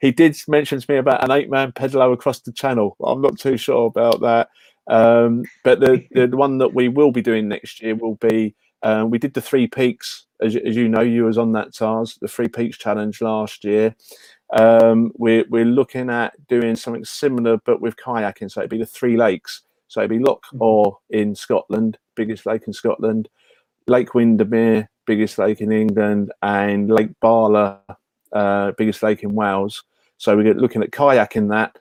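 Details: Adult man speaking; normal conversational speech.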